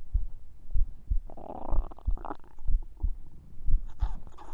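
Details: Bowel sounds recorded while sleeping alongside heart sounds: dull, regular low heartbeats about 60 a minute, overlaid by gurgling, bubbling stomach rumbles; normal bowel sounds.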